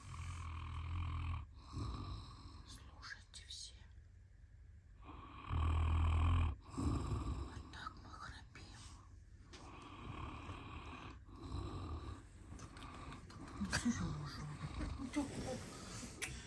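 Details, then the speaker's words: Armenian Gampr dog sleeping at nap time: low, rumbling snores in a quiet room with soft whispering nearby: dog snoring. "Так похрапывает всё Спи спи всё"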